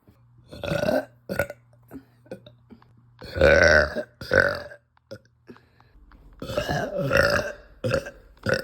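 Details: Woman, bloated and gassy after eating, with uncontrollable frequent belching: repeated loud belches in a row, some short and some drawn out, with brief quiet gaps.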